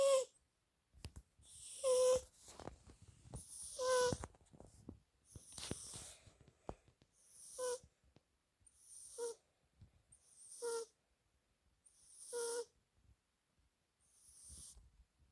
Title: Cute cat snoring | British Shorthair | Berry Kittens